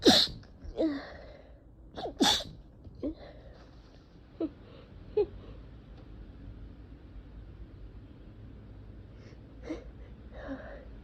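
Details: A run of about five forceful sneezes with quick inward breaths between, then sniffles; allergic sneezing from cat exposure, with sore throat and swollen eyes.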